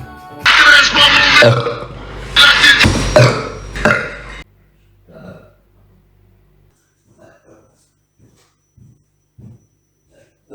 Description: Girl Burping, Girl Burping Loud